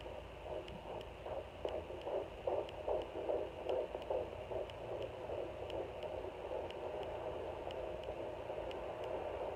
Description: Listening to baby's heartbeat on home Doppler at 17 weeks